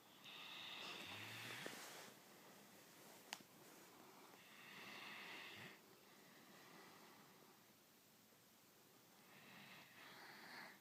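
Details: Soft, hissy breath noises in slow repeated bursts over a quiet room; light snoring in a sleeping animal named Elvis.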